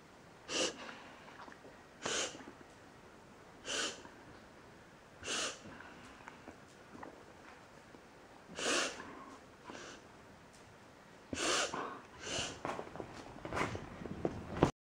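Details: A 7-year-old dog filmed for the vet with occasional episodes over several months, always at rest, and swallowing does not stop them. Repeated sharp snorting bursts, about ten in fifteen seconds, resembling reverse sneezing: paroxysmal snorting.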